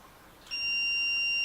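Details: Training defibrillator used on a manikin during a CPR demonstration: a steady high-pitched electronic alert tone starts abruptly over faint background noise.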